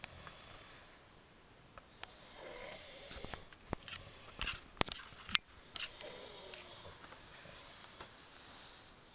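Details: A friend snoring like a sea lion: wet, rattling snoring breaths with snorting noises and clicks in a small room; loud, irregular snoring.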